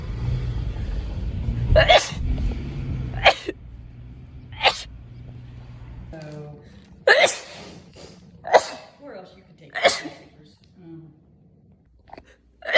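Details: Compilation of rapid sneezes: about eight sharp, explosive sneezes in quick succession, some with a brief gasping intake before them; sneezing.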